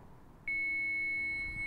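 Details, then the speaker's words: Hands-only CPR and AED demonstration: after pads are placed under the left arm and above the right breast, rhythm is analyzed and the device charges, then a training AED sounds a steady high-pitched ready-to-shock alert before the shock button is pushed. "soon as the AED is ready, everyone stand clear. Push the shock button."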